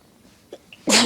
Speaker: It's there and I can feel it, it just won't come out. Why are you doing this to me?